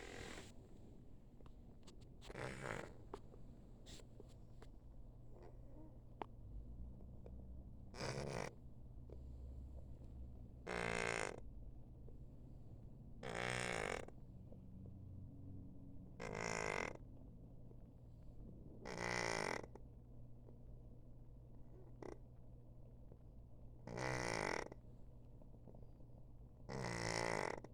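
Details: Snore-like stertor in Coco, a male former stray cat with an inflamed pharynx and lymph nodes, feline leukemia and a heart tumor, on antibiotics and steroids: loud, rough bursts every two to three seconds.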